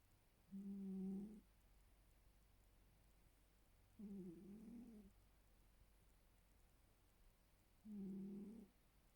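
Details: Three soft, low, tonal snores about every 3.5 seconds over a quiet hum; regular snoring during sleep.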